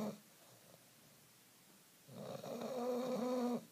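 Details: 9-month-old female bulldog sleeping after her walk with her tongue out; she always snores. One long, groaning, tonal snore after a quiet pause; snoring.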